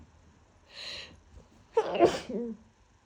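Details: Someone with the worst cold they have had, very sick and congested, in autumn. A sharp breath in, then one forceful voiced sneeze with a short trailing sound.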